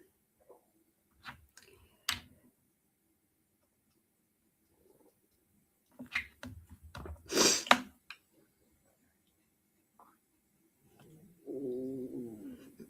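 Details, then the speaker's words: A stomach growl heard during a live cardmaking stream; the person had eaten French onion soup about an hour earlier and says they are not hungry. Stomach growling (borborygmi). "Did you guys just hear my tummy growl? What is up with that? You You would think that I never eat."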